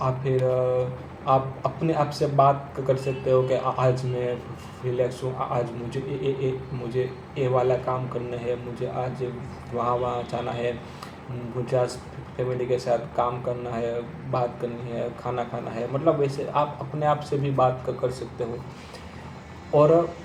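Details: Man who stammers, speaking Hindi while using the slow speech technique; stuttering.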